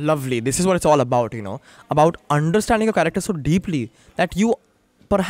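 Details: Adult speaker; Plain speech.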